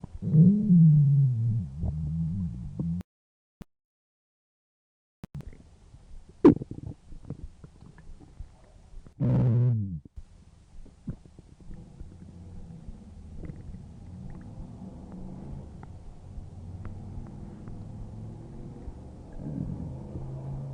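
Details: Low gurgling rumbles and squeaky tones with a long low growl, then softer rumbling from a woman's belly: stomach growling (borborygmi).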